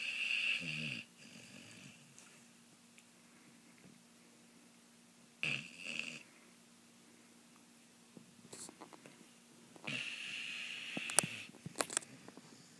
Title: Aja snoring